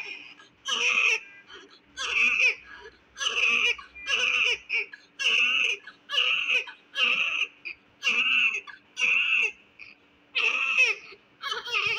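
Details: Rhythmic, steady, strong crying, about eleven cries in twelve seconds with brief breaths between, from a premature, low-birth-weight (1.8 kg) newborn after secretion cleaning/suction; newborn cry.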